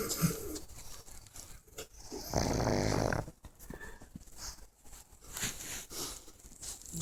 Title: Pug Snore